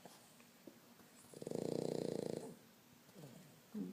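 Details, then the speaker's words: Pug asleep and snoring: one long, loud, fluttering snore on an in-breath, with softer breathing noise around it. "Oscar. What are you doing, buddy? What are you doing? You're snoring."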